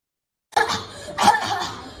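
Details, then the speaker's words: Habit cough (chronic idiopathic cough) in a child in Mumbai, India: repetitive cough going on for multiple hours all day long for three months; second episode, the first lasting a couple of months before stopping spontaneously. "so imagine having this going on EP mul multiple hours all day long and in this child this is the second episode of habit cuu we had a first episode earlier went on for a couple of months before it stopped spontaneously"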